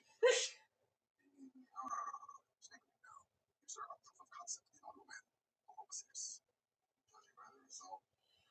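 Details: Woman's sneezing fit in a looped edit: one loud sneeze followed by soft breathy exclamations and sniffs.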